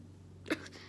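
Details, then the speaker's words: A cough that sets off a hiccup at the same moment, the hiccup triggered by the cough; hiccup. "Anyway, this is what it sounds like whenever you go and you hiccup at the same time."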